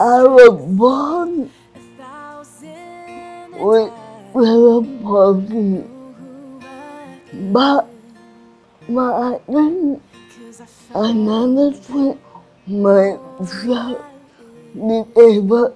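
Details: Adult woman in Singapore with cerebral palsy, with slurred speech and restricted movements; dysarthria due to cerebral palsy.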